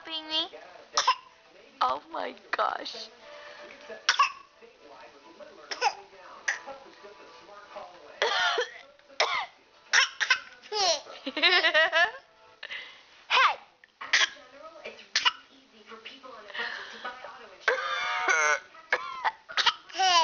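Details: Voluntary imitated cough: an adult gives short, deliberate coughs and a baby of about 9½ months copies them playfully with coughs and babbling.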